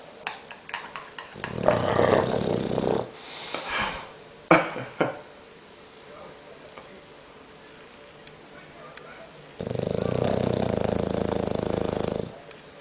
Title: Bulldog Snoring